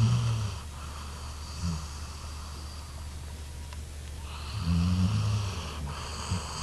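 Deep, rumbling snores on the breaths with a quieter pause between them; a dog snoring in sleep.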